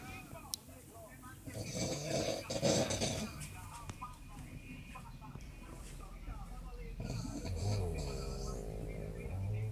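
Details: An adult father asleep gives rough, rattling snores, with music and room noise in the background: ordinary snoring.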